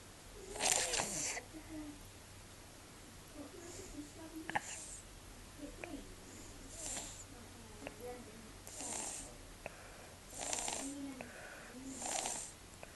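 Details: Little boy with a cold, snuffle snoring: soft, nasal snores at irregular intervals with small clicks and wet sniffs between breaths through a partly blocked nose; snuffling snoring.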